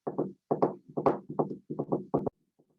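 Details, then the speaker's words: Third heart sound (S3) gallop played in a heart failure lecture: repeating three-beat groups like a galloping horse, explained as blood striking the ventricular walls during rapid early diastolic filling. "Ese es el ritmo de galope. Es un ruido como si fuera galopando un caballo. Por eso lo comparan y se le llama ritmo de galope."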